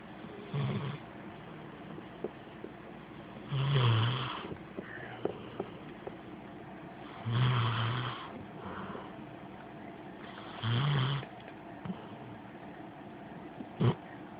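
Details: Reilly, a Rottweiler/Pit Bull mix sleeping with mouth slightly ajar, lifelong snorer with no medical condition per owner, phone recording: about four low rumbling snores every three to four seconds, quiet breathing between.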